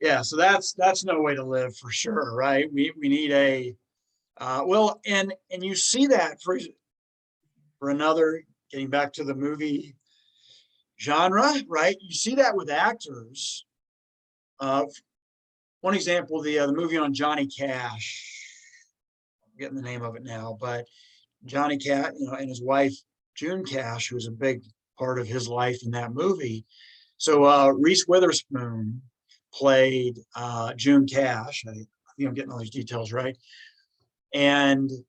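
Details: Adult woman who stammers, speaking in a podcast interview; finding: stuttering.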